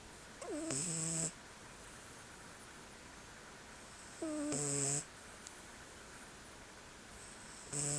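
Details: Selkirk Rex cat sleeping: three nasal, whistling snores with rising squeaky tone, one every three to four seconds, about 16 per minute, quiet pauses between; cat snoring with sleepy sounds.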